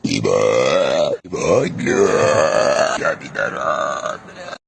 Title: burping out loud